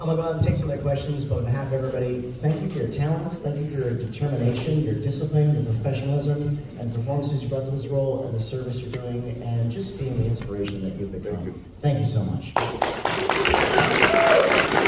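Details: Adult male convention host; typical speech.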